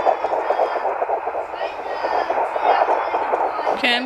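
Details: Fetal heartbeat of a puppy inside a pregnant dog, due January 28th: rapid, rhythmic whooshing pulses heard through a monitor.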